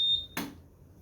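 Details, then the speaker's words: Short high-pitched electronic beep then a soft click as a Servo-U ventilator (electrically and pneumatically powered) powers on and starts up. "Just like pretty much any other ventilator, it's electrically powered and pneumatically powered. Okay? Red outlet, right? We'll let it fire up."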